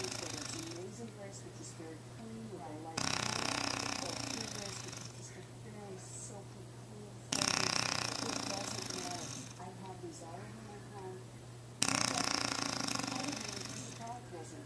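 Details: Adult woman (wife) snoring during sleep, recorded with a Flip Video camera: loud, rough breaths about every four seconds, roughly 14 a minute, over steady background hum.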